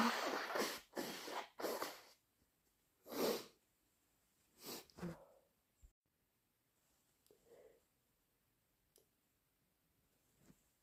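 Several quick sneeze-like bursts, then sniffles and faint nasal sounds; sneezing brought on by sneezing powder.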